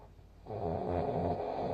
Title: いびき（snoring）2/15/2024 その21